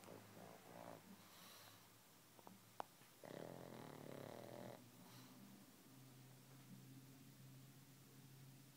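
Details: Snoring from a sleeping, twitching pug, apparently dreaming: soft, irregular snorting snores with small snuffles and a brief louder rattly snore near the middle.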